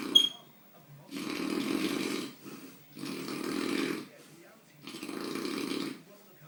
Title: king of snoring